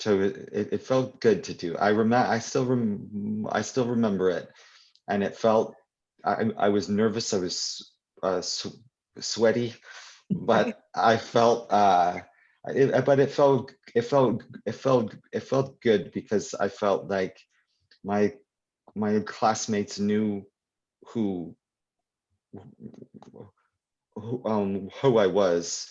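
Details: Adult who stutters, speaking live at a convention for people who stutter; real, unscripted speech; stuttering.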